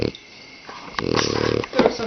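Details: A dog snoring with eyes open: one rattling, buzzy snore on an in-breath, with a quiet room around it.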